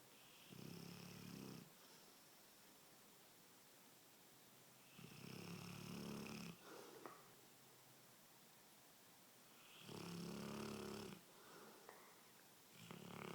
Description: How can anyone sleep with Nero our Cane Corso.